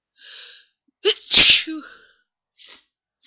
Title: a few more sneezes and blowings